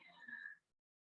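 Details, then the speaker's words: Brief, high, whistling vocal sound imitating the expiratory wheeze heard by stethoscope in bronchial asthma. "kemudian kalau pada pasien-pasien dengan asma bronkial biasanya bunyinya pada saat ekspirasi akan terdengar suara mengi atau"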